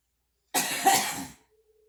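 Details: Girl coughing while smoking: a single harsh, rough cough lasting under a second, followed by quiet.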